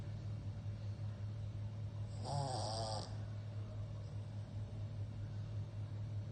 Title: PUG SNORING!!😂🤣